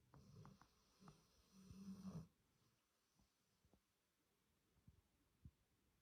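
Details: American Bulldog rescue dog, recently rehomed after three years in kennels, asleep: rough, rattling snores followed by quieter snuffling breaths in a quiet room; snoring.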